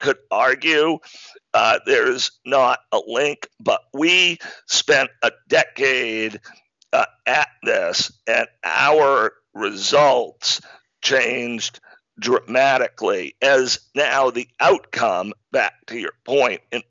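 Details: Adult man diagnosed in 2012 with spasmodic dysphonia, a rare neurological speaking disorder causing partial voice loss and difficult communication, still partly audible: spasmodic dysphonia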